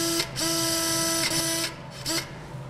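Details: Powered distal (female) drill, steady high motor whine in three short bursts with brief pauses, reaming bone into the phalanx hole around the implant peg during FuseRight hammer toe surgery.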